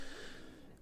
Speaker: I'm really sorry if you can hear my pug snoring but she's in the background there and she's making a right noise I do apologize